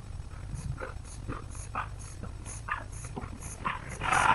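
Steady rhythmic panting from a dog, about two breaths a second, roughly 130 a minute, ending in a louder throaty burst.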